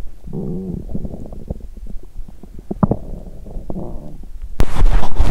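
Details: Belly sounds on an empty stomach after exercise, which caused nausea; dried apricots not yet eaten: continuing growling and rumbling, ordinary hunger bowel sounds (borborygmi).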